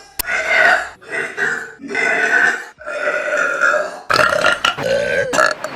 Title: some girls burping